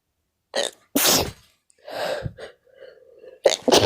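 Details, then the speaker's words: Repeated sneezing in a person who says they have been sneezing all day from an unknown cause: a quick run of sharp, explosive sneeze bursts with short in-breaths between them. "My god, I've been sneezing all day."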